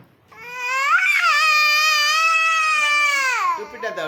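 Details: Young child crying: a single long, loud, high-pitched wail held about three seconds before breaking off.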